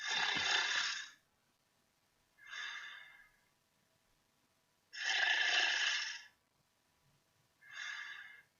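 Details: Snoring recorded with a piezoelectric sensor and LabVIEW: harsh, noisy breaths that alternate stronger and softer about every five seconds, roughly 12 breaths a minute; snoring.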